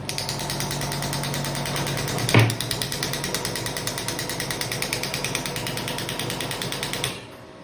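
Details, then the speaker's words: Biotronix pneumatic extracorporeal shockwave therapy (ESWT) device, 5–12 bar, combined with 1 MHz ultrasound: rapid regular mechanical hammering for about seven seconds as the applicator's internal bullet strikes the surface; room noise. "यह जो device है इसमें जो क्रॉब है उसके अंदर already एक bullet है जो बुलेट यहां से यहां ट्रेवल करती है सरफेस पे हिट करती है"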